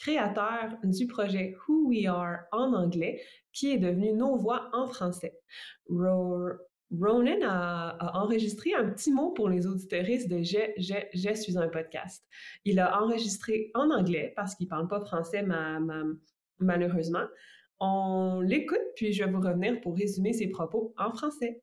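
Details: Adult woman with stuttering, herself a speech-language pathologist, speaking French in conversation.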